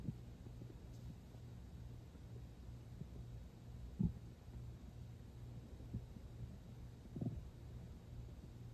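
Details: Stomach growling (borborygmi) heard as low gurgling rumbles with a few brief louder gurgles; the person was not very hungry, had eaten not long before, and drank water toward the end.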